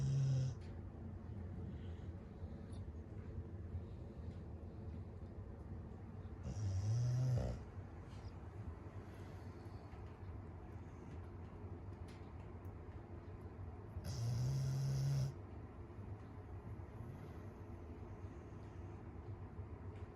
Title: My cat about to attack my dog for interrupting his nap with loud snoring #cat #dog #pets #family